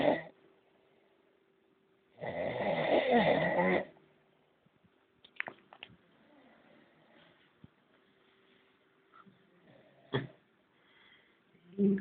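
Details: Exhausted man sleeping and snoring: one loud, rough snore, then quiet breathing and faint room noise, ending as another snore begins.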